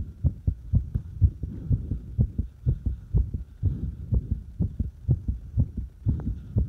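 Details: Irregular fast heartbeat: rapid beats at roughly 125 a minute with uneven spacing between beats.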